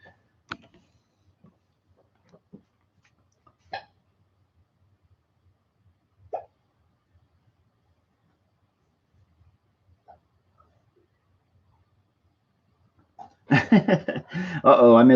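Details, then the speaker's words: Five or six sharp, brief hiccups at irregular intervals over about 13 seconds from a person drawing who notes a dry mouth, then speech begins. "Hi guys, I got the hiccups. Yep. As you can hear."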